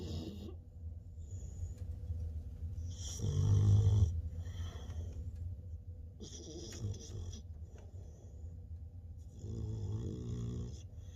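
Loud, low, rumbling snores with each breath while the puppy sleeps, recurring over several breath cycles.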